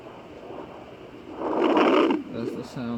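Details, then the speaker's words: Rushing, whooshing swell through a Sonoline B handheld fetal doppler at about 9 weeks of pregnancy, identified as placental blood flow sound rather than the fetal heartbeat. "if you can hear that but that's the sound of a placenta"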